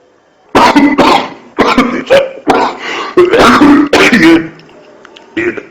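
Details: A run of about six or seven loud, harsh coughs in close succession, with throat clearing between: a bout of coughing in a cough case.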